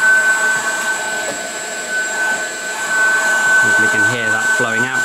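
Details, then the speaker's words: Improvised emergency CPAP from a Dyson bladeless fan at setting 8 feeding a mask, not medically designed, prototype: steady rushing airflow with a constant high whistle venting from the mask exhaust port, with voices near the end. "we can turn the fan up I found eight is about right if we go up to nine or ten we're actually blowing too much air and now coming into the mask"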